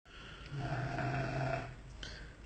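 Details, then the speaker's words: Guard dog asleep at 11 pm, snoring softly enough to wake the owner upstairs: a single low, rumbling, fluttering snore of about a second, fading into quiet breathing; snoring. "Tá aí meu cão de guarda roncando bem baixinho. Eu tô aqui na janela de cima do sobrado e acordei com esse barulho. Olha, pessoal, o cachorro de vocês ronca assim também?"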